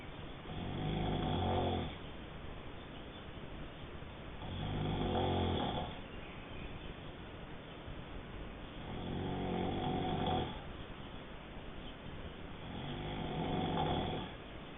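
Low, rattling snores on each in-breath, about 16 breaths a minute, with steady room hiss between them.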